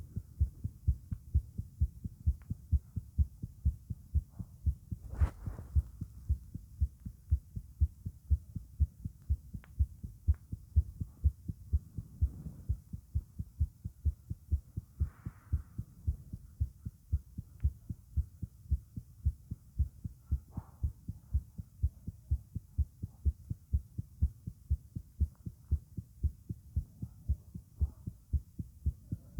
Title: My heartbeat sound